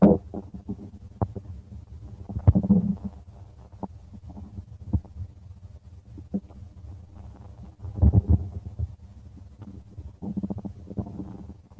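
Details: Continuous low rumbling and bubbling gurgles with louder surges; active stomach growling, normal bowel sounds (borborygmi).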